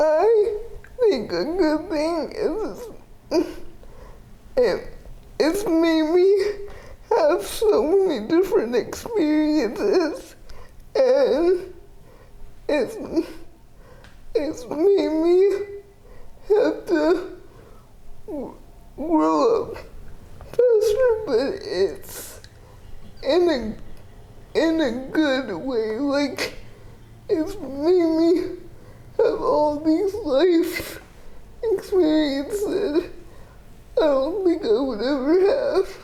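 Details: 30-year-old woman with GMFCS Level 4 spastic quadriplegic cerebral palsy with an athetoid component affecting arms, legs and trunk; uses a power wheelchair, repeated eye and hip orthopedic surgeries; dysarthria (athetoid cerebral palsy).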